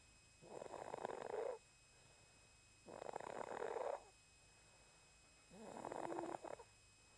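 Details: Sleeping cat snoring softly: three rough breath sounds at about 26 a minute, a harmless sleeping snore.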